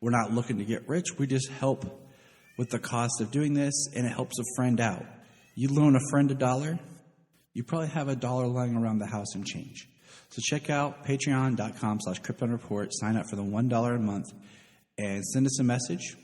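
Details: Adult male speaker; normal voice.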